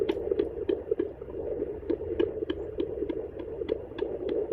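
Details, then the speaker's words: Rapid, regular whooshing galloping fetal heartbeat picked up with gel by a battery-powered home handheld fetal Doppler, usable from 16 weeks of pregnancy; device displays rate, normal 110-160 beats a minute. "ได้ยินชัดมคะต้องเป็นแบบปั๊บๆๆตักๆ"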